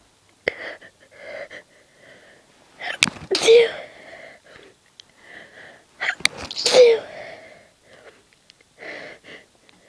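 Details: Quiet, suppressed sneezes, held in so as not to wake sleeping people.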